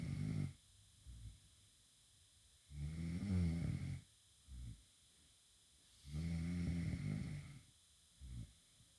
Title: The Wife snoring in bed